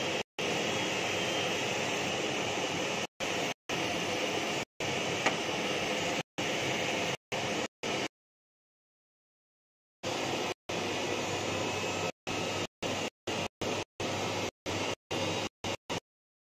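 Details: Fractional CO2 laser facial rejuvenation treatment on an older male patient: steady loud hissing rush cutting on and off in bursts, with a pause midway, as the laser system runs.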